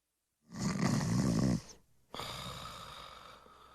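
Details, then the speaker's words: A person snoring while asleep, played as a sound-recognition exercise in a cognitive training program for older adults with dementia. "이것은 사람이 내는 소리입니다 사람이 잠잘 때 내는 소리입니다"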